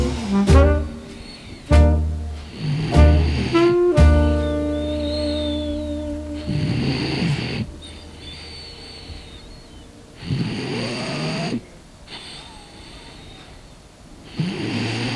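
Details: French Bulldog sleeping: rough, raspy snores every few seconds under loud soft background music; snoring in a flat-faced dog.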